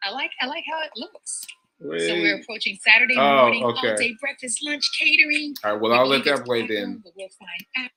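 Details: Adult speaker; normal speech.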